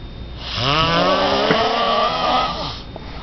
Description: This is me, sawing logs and holding the gifts I got for my Valentine to ensure no one would steal them.